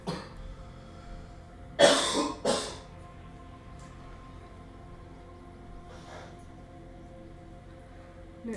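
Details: Woman sick with a runny nose, knitting: two short harsh throat-clearing coughs over a quiet humming background.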